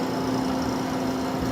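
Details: CAIRE Companion 5 stationary oxygen concentrator running normally: a steady low motor hum with airy noise.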